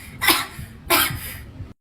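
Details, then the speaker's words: Child in a comedy skit coughs twice, short and sharp, about half a second apart, in a quiet room, so is refused ice cream. Finding: cough. "kan bener batuk tadi nggak batuk nggak batuk terus itu namanya apa"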